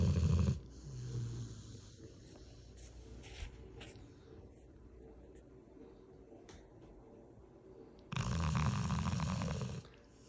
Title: 98 year old dog caught snoring 🐶🦴🐾